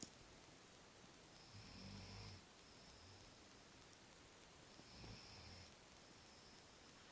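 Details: Soft snoring during sleep: quiet, low rumbling breaths with a faint whistle, repeating about every three seconds.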